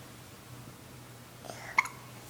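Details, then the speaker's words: 7-week-old baby girl with hiccups, at home on the couch: a single short, sharp hiccup against quiet room noise; hiccups. "has the hiccups break you can you smile smile and move your fingers smile baby good girl she does know how"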